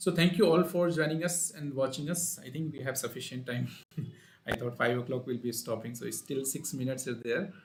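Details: Adult man speaking; normal voice.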